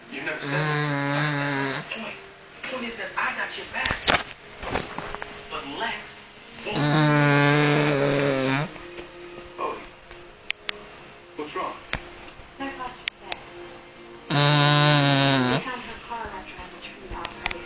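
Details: Cavalier King Charles Spaniel asleep on a sofa snoring: three long, loud, rattling snores, each a couple of seconds long, about 6 to 7 seconds apart, with quiet breathing between.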